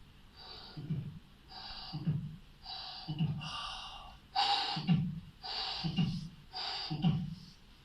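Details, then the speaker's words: Vocal imitation, not a real recording, of heartbeats at the tricuspid area, with a blowing hiss filling each beat. It is described as like mitral regurgitation: a tricuspid regurgitation murmur. "بعد كده انقل السماعه على الترايكاسبيد اريا، بدور على الترايكاسبيد ريجيج زي المايترال ريجيج بالظبط بس فعلا مع"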